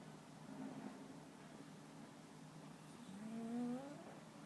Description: Muffin my cat snoring while sleeping.